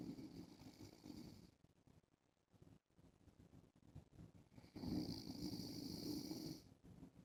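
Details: Adult man snoring while wearing a face mask because his daughter has a cold: two long, harsh, rasping inspiratory snores with a quiet gap; snoring.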